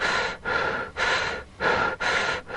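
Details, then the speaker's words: Rapid, laboured breathing after dancing in a girl with asthma who uses an inhaler: quick, heavy, audible breaths at roughly 100 a minute. Her reduced airflow makes her lungs work harder and she gets out of breath faster than classmates. "but she still gets out of breath more quickly than her classmate the amount of air that CLA can breathe in and out of her lungs is reduced so her lungs are having to work much harder"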